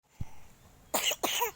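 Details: A child coughs twice, each a sharp, loud, explosive burst followed by a brief noisy tail.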